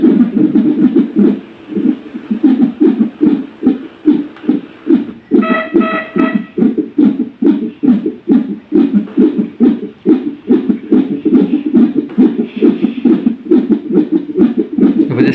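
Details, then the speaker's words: Rhythmic whooshing pulses and a brief beep from a Uniwer UMS FM+ fetal monitor Doppler probe held in the hand for testing, not placed on an abdomen, volume raised; demonstration audio. "Test ചെയ്യാൻ വേണ്ടിയിട്ട് ആയതുകൊണ്ട് probe ഞാൻ കയ്യിൽ പിടിച്ചിരിക്കുകയാണ് നമ്മൾ വയറിൽ വെച്ചിട്ടില്ല"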